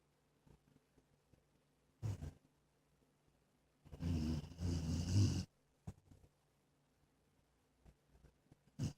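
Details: Snoring in a sleeping Jack/terminator mix dog that has snored since a few months old: irregular low rumbling snores, including one long noisy snore, with quiet gaps between.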